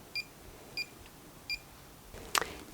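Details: Three short, high electronic beeps as keys are pressed on a syringe driver pump during prime-and-load setup, after it recognized a 20 ml BD Plastipak syringe, then a brief click and rustle.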